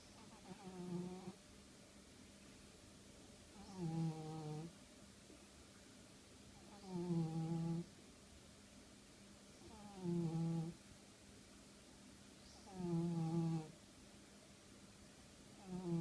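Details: Cat snoring: soft, humming snores in a steady rhythm, about 20 a minute, with quiet pauses between them; low room noise.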